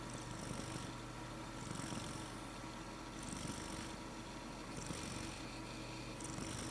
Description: Our cat named Jello He is so loving and sweet, He was snoring so i filmed it.